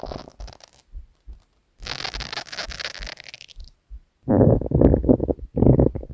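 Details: Stomach growling recorded while a woman sleeps: irregular low gurgling and rumbling bursts with brief pauses, ordinary borborygmi.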